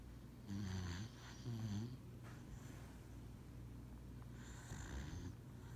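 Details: Dog snoring while sleeping during a lap nap: soft, low rattling snores with breaths over quiet room noise, ordinary sleep snoring.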